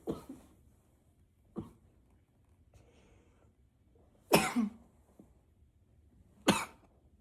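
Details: Unstoppable coughing spell, coughing into a pillow trying to be quiet: four cough bursts over about seven seconds, first two muffled and stifled, last two loud and fully released; coughing fit.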